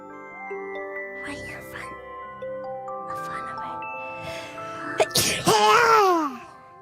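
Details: Single sneeze from a VTuber (hololive) during a stream: a sharp burst of air with a high voiced squeal over chiming background music, followed by "bless you."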